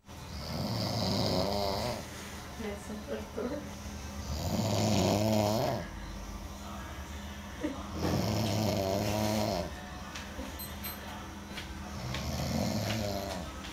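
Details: Sleep snoring with the mouth closed: rhythmic rattling snores on each breath, about 16 a minute, in a quiet room.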